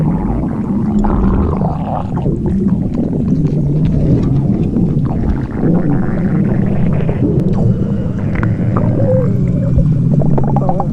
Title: Ollie Stomach Growl 2